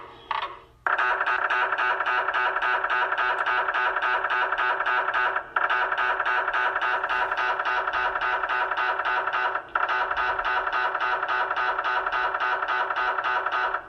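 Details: Loud, rapid, steady mechanical knocking in long runs with brief pauses; MRI scanner noise during imaging.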